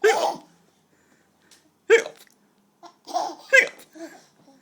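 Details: Adult man (dad) hiccuping; several abrupt, voiced hiccup bursts at an irregular pace, mixed with a young child's laughter. Hiccups.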